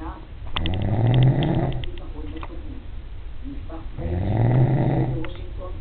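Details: Adult man filmed asleep after he denied snoring; two loud, low, rattling in-breath snores about four seconds apart with quieter breathing between; snoring.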